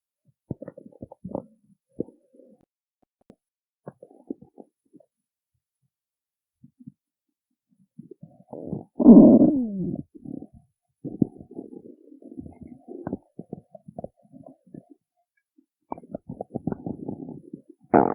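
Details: Stomach growling after skipping breakfast: scattered gurgles and squelches build into a louder growl midway, then bursts of bubbling; normal hunger-related borborygmi.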